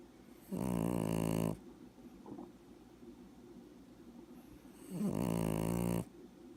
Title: Cute Puppy Snoring